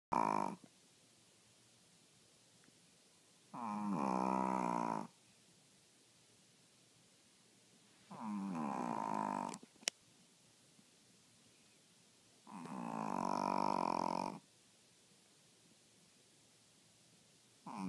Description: My dog juicy is sleeping and snoring